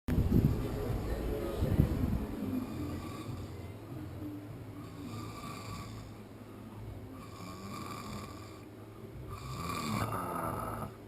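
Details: Low rumbling snores repeating with the breathing over steady room noise. Snoring.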